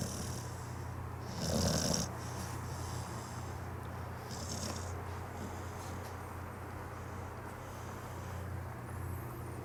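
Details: Sleeping pit bull dog snoring: a couple of low, rattling snores over a steady background hum.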